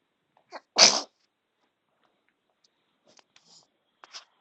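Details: Infant sneezing: a single sharp, hissing sneeze, followed by faint soft breathing and a small coo.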